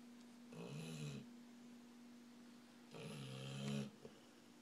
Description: My dog is a heavy snorer.